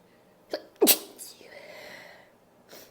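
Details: Sneeze from a female: a short intake of breath, then one sharp sneeze, followed by a breathy exhale in a quiet room.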